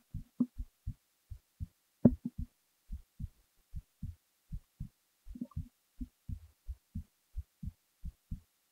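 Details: Steady paired lub-dub thumps at about 75 beats a minute in near silence, recorded while falling asleep; a heartbeat.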